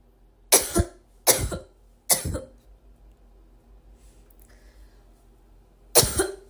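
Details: A girl or woman coughing: four loud, harsh coughs, three in quick succession, a pause, then a fourth, with quiet room noise between.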